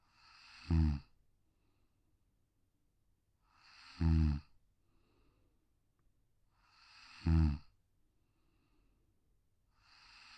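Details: Sleeping Pug (brachycephalic, short-muzzled breed) on a deck: soft, low rattling snores about 18 a minute; snoring.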